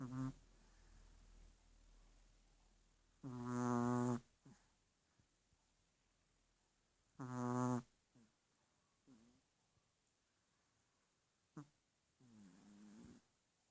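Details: Snoring from a pet: irregular short, buzzing snorts in a quiet room, a few loud rattling ones among softer puffs.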